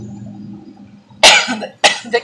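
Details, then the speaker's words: Adult woman in Northern California, throat irritated by wildfire smoke: two sharp, harsh coughs after a quiet stretch of room noise. "but it looks like it's an overcast day and it is not it's just the smoke the smoke is killing my throat"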